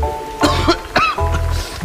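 About three short acted coughs from an adult, with steady background music throughout.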